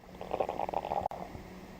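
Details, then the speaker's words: Normal bowel sounds heard with the diaphragm of a warmed stethoscope on the abdomen, auscultated before percussion and palpation: soft generalized clicks and gurgles from peristalsis, occurring irregularly, 5 to 35 times per minute expected. "these generalized clicks and gurgles reflect peristalsis and should occur irregularly 5 to 35 times per"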